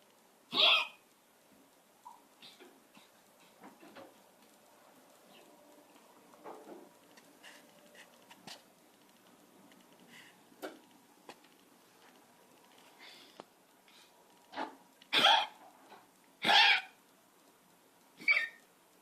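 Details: A small pet coughing, about four short, sharp, high-pitched bursts in a quiet room; the owner is unsure of the cause.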